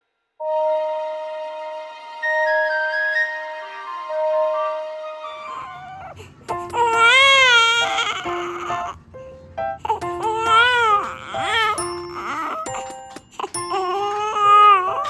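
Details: A 32-day-old baby boy cries and fusses, with wavering cries after gentle music; newborn crying.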